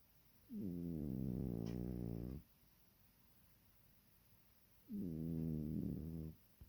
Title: Epic Cat Snoring